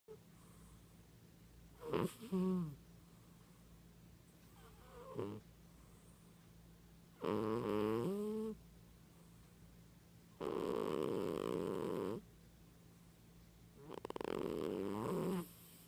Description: Silly Sleeping Kat/Cat beauty sleeps with a loud snore